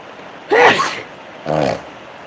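Two sneezes in quick succession, a loud explosive one then a shorter voiced one, part of an allergy sneezing fit.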